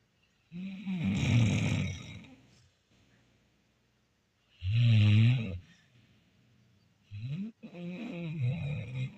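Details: Old female dog snoring during one of her many daily naps: loud, rough snoring with irregular breaths roughly every few seconds.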